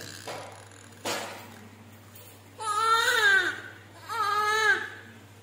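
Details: Newborn girl at 39 weeks, immediately after normal delivery: two short wavering cries after a few soft sounds; first cry right after birth.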